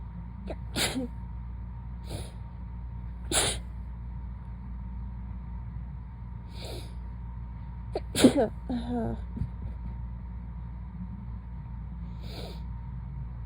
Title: Woken up from a nap to super sleepy sneezes